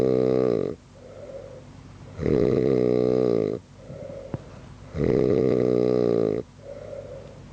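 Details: Sleeping man whose snoring keeps others up all night: loud, deep, buzzing snores about every 2.5 seconds, each followed by a softer whistling breath out; snoring.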